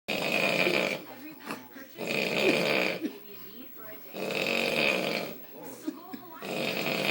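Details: Snoring loudly: rhythmic rasping snores on each breath, about one every two seconds, with quieter breathing between them.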